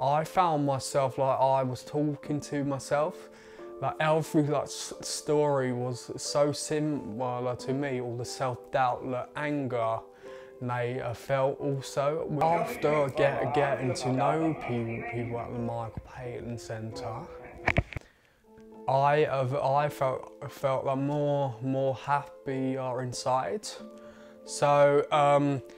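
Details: 20-year-old male with a stammer that developed around age eight; stuttering (stammer).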